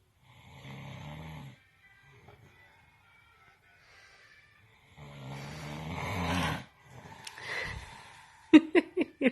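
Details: Toddler reacting to snoring: low rattling snores on two slow breaths, then quick bursts of child-like sounds at the end; snoring.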